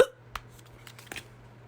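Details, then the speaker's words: Person with hiccups while trying a slick back hairstyle: three brief, sharp throat clicks in a quiet room; hiccups. "I've never done a slick back. I have the hiccups."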